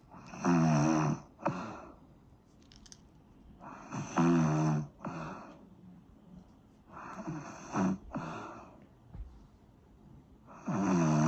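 Loud, rough, buzzing snores on each breath in, about 17 a minute, with quieter breaths out between them; snoring.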